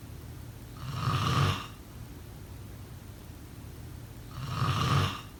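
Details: Sleep snoring sound effect: two low, rumbling snores about 3.5 seconds apart against steady room hiss; snoring.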